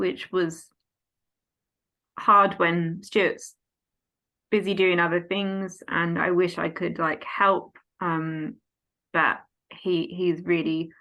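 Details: Adult woman, 14 years after a stroke at age 18, with post-stroke aphasia affecting speech, reading, writing and understanding numbers; aphasia.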